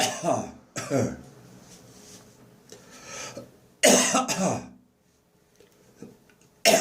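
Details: Dry morning cough lingering after bronchitis, with phlegm nearly all gone: several short, harsh, unproductive cough bursts with throat clearing between them.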